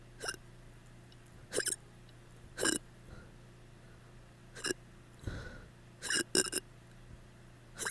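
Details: Repeated short, abrupt gulping hiccups, about seven in eight seconds, in a quiet room, in a person who had drunk too much; hiccups.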